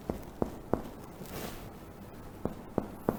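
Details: Five crisp, hollow finger taps, two then three, on the posterior chest wall during a respiratory physical exam skills demonstration; each a brief low-pitched thud, a normal resonant percussion note.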